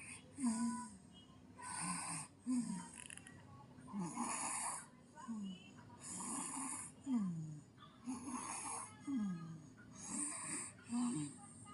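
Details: Soft rhythmic snoring with each breath, about 30 a minute, in a quiet room from a sleeping baby.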